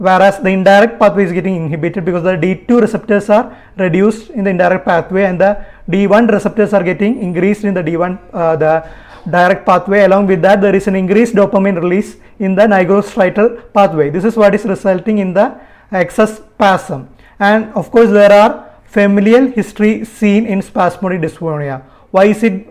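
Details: Adult speaker lecturing; normal speech.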